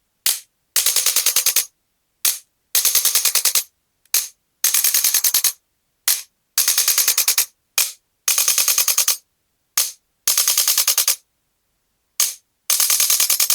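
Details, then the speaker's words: Male patient with L3–L4–L5–S1 disc bulges and bilateral sciatica: about six bursts of rapid sharp mechanical clicking separated by short pauses, as a handheld adjusting gun is applied to the stuck, immobile right kneecap. "అందుకని మనం ఈ adjust gun తోటి మనం ఇప్పుడు adjust చేద్దాం"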